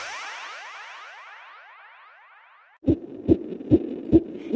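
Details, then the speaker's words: Swooping sound effect, then rapid, regular soft thumps of a fetal heartbeat at 6 months of pregnancy, about 140 beats per minute. "hear that it's the heartbeat of an infant in the womb at 6 months his heart's beating at about 140 beats per minute"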